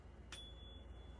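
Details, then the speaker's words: Tuning fork set vibrating by stroking between finger and thumb for a Weber lateralization test in an OSCE head and neck exam by a medical student: a soft strike, then a faint, steady high ring. "e will set this fork into light vibration by briskly stroking in between my index finger and my thumb, or I can tap the tuning fork in front of on my forearm, or just in front of my elbow."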